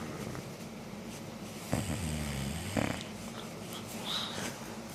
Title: Willy snoring like a beast